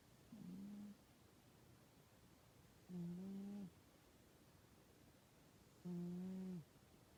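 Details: Sleeping cat: three soft, even, humming snores about 3 seconds apart, roughly 21 breaths a minute; harmless snoring.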